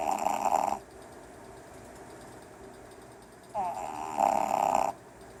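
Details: Red Boston terrier puppy asleep and dreaming: two soft, buzzing snores separated by a quiet pause; ordinary snoring.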